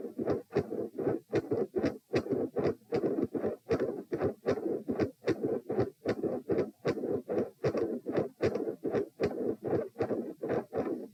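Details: Heart sounds recorded at position P while lying down during repeated Valsalva maneuvers; regular rhythm at about 76 beats a minute.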